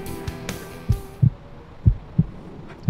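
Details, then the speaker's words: Adult presenter's own heartbeat heard through a stethoscope in the back of an ambulance: low regular thumps about 100 a minute, music fading at the start; described as nice and healthy. "yeah that's my heart beating i'm nice and healthy"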